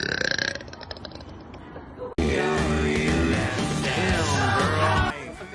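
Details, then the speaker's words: An actress belching: a long, loud, voiced burp lasting about three seconds, with music underneath; an ordinary burp. "has the best burp it is long and it is strong"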